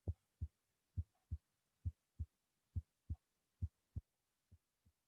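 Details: Simulated heart sounds played during a virtual OSCE exam demonstration, with regular paired lub-dub beats at about 67 per minute in a normal rhythm; heart sounds.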